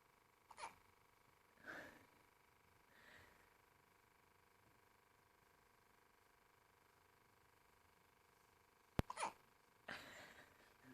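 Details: Sleeping baby girl hiccuping without waking: about six soft, abrupt gulping sounds over ten seconds in a quiet room; infant hiccups.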